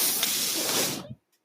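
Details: Mechanical ventilator sound heard in the background while its user, the podcast host, speaks.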